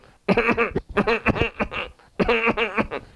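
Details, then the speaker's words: An adult imitates a mild, repeated, voiced tickling cough in short throaty bursts, demonstrating a cough with constant tickling in the larynx that precedes or accompanies it; imitated tickling cough. "So that's a tickling in the larynx, and that's constantly associated with the cough. So that's a constant tickling."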